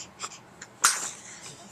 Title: 4 month old Baby Boy Answers Mama's and Dad's Questions and Sneezes